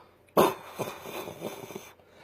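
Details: Adult with Tourette's syndrome, over 40 years old: a sudden sharp cough-like burst followed by rough throat-clearing noises; a simple vocal tic.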